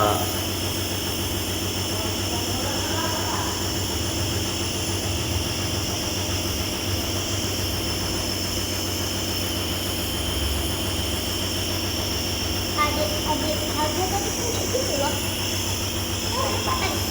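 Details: Steady motor hum and airy hiss of a nebulizer compressor running during a young child's mist treatment at a doctor's clinic to loosen breathing and stop coughing.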